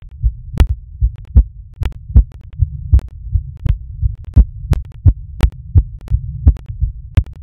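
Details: Rapid heartbeat recorded during masturbation: fast, steady low thumping with occasional sharp clicks over a low hum, a quickened heart rate.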